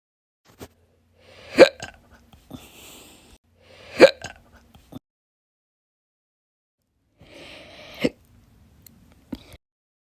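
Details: Hiccups, audio only: four abrupt, sharp hiccups at irregular spacing, each with a soft breathy tail, in a quiet room.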